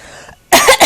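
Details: Young child's playful put-on "bad cough" performed on request: one short, forceful, dry cough burst.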